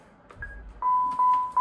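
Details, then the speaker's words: Short electronic beeps as a LUCAS mechanical chest compression device is powered on during a training demonstration; normal power-on tone. "come back to your Lucas machine be on this side you want to power this on when you grab"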